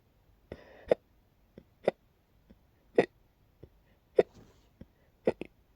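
Repeated short, sharp gulping catches in the throat, roughly one a second with quieter ones between, fitting a bout of hiccups.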